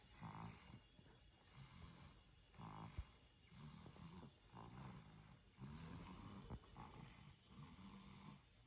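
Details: A 14-month-old toddler snoring during a daytime nap without a pacifier: soft, rough, rhythmic breathing noise with each breath.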